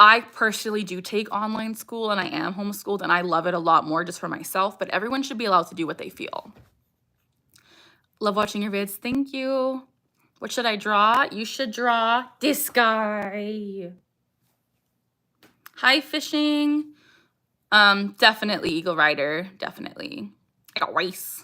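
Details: Young woman with Tourette syndrome whose speech is interrupted by her vocal tic "I got rice"; other vocal tics barking and "ha", motor tics facial grimacing and eye blinking; Tourette syndrome with vocal tics.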